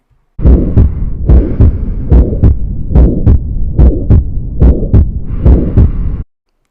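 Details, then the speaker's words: Aortic stenosis murmur: systolic crescendo-decrescendo murmur just after S1, sometimes with an ejection click from the calcified aortic valve, possibly radiating to the carotids; longer murmur duration indicates more severe stenosis. "le souffle qui est d'abord cresendo c'estàdire qu'il augmente puis décrisson dos c'est-à-dire qui diminue plus la durée de ton souffle est importante plus la sténose sera grave"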